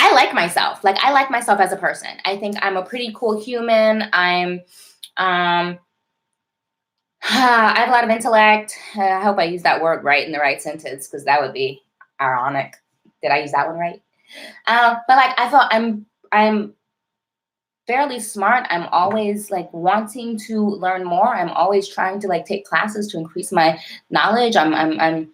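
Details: Adult woman with a self-described severe, overt stutter with heavy blocking since childhood, still present now: stuttering.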